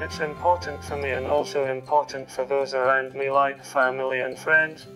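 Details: Speech-generating device with a personalised synthetic voice; synthetic voice-banked speech.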